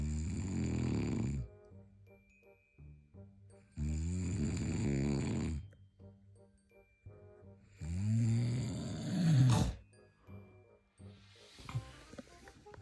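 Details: Adult husband snoring: loud rattling snores with each breath, about 14 a minute, over background music.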